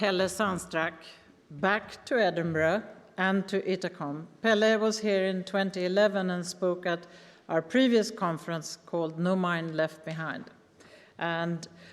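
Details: Adult woman speaking to an audience; Normal speech.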